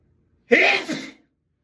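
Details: Person in a sneezing fit in the bathroom, saying it tickles: a single forceful, sharp explosive sneeze trailing off within about half a second.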